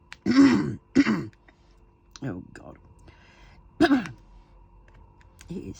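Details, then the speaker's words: Adult on antibiotics, improving but still unwell, having a coughing fit: several harsh, throaty, wet-sounding cough bursts with pauses, cough felt in the middle of the throat, in a quiet room. "so um I think it's the antibiotics are starting to work my cough is is slowly you know expressing itself should we say and um getting out"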